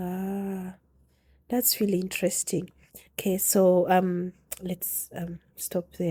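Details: Adult woman speaking; ordinary speech.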